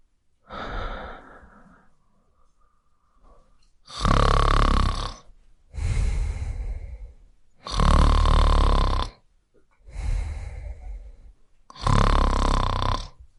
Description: Cute Snoring Sounds For Your Listening Pleasure.